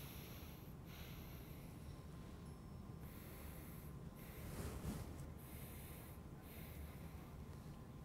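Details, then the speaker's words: Stethoscope on the bare anterior chest of a seated adult taking deeper-than-normal breaths through the mouth: soft, even airflow noise; good air entry to the bases, equal bilaterally, no adventitious sounds; normal breath sounds. "i noted good air entry to bases equal bilaterally no adventitious sounds heard throughout anterior forex"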